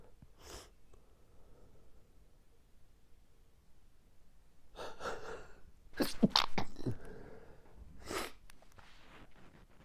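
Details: Morning allergic sneezing fit, which happens every morning and lasted five more minutes after recording: several quiet sneezes with sharp inhaled gasps in a quiet room.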